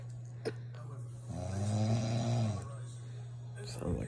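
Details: Adult woman snoring at 2 a.m.: one long, low vibrating snore over a steady background hum with faint room noise; snoring.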